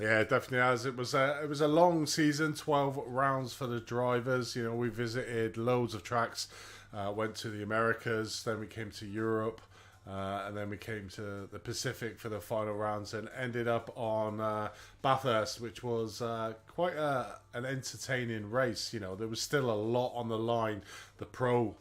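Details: Adult male speaker; ordinary speech.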